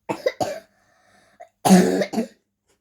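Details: 10-year-old girl coughing and laughing while reading a story aloud: two short bursts of coughing separated by a brief pause.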